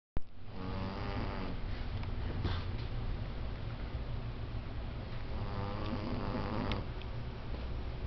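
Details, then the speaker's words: Loud, deep, rattling snoring from a sleeping female cat, long breaths, about two cycles over eight seconds, unusually loud for a cat; owner wonders about sleep apnea and doubts it is healthy: snoring. "Hey, wake up. Use a snore. You got like sleep apnea or something, babe. I'm telling you, you're going crazy over there."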